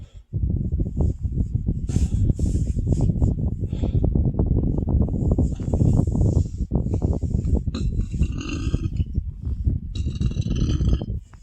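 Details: Long, deep, rattling belch lasting several seconds after a very heavy meal of a box of pasta with marinara and ricotta, about 15 meatballs, cake and ice cream: belching.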